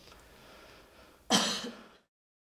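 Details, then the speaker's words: Normal voluntary cough: a 25-year-old patient in a cranial nerve OSCE exam gives one sharp, strong cough with a crisp onset on request, normal in strength and closure. "and can you give me a strong cough"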